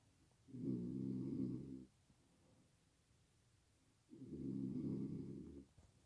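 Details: Very loud snoring from a person: two long, deep, rumbling snores on the in-breath, about a second and a half each, with quiet pauses; the person reports recent loud snoring and waking with a bad headache.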